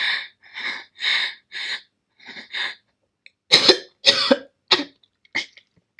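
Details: A girl's run of about six dry, hacking coughs, then four louder, harsher coughs; a repeated cough fit, after which she apologizes and steps out for water.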